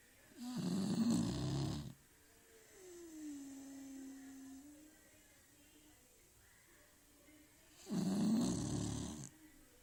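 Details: Beagle snoring: two rough snores several seconds apart with a soft whistling tone on the breath between them; snoring.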